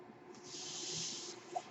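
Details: Soft, steady airy hiss swelling for about a second then fading: airflow of the speaker's own mechanical ventilator delivering a breath, heard as they talk.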